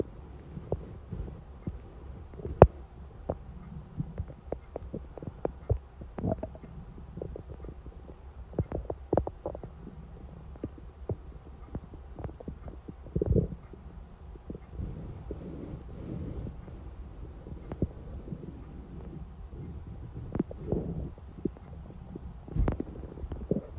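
Irregular gurgling, squelching and clicking abdominal rumbles over a low steady hum: hunger-related bowel sounds.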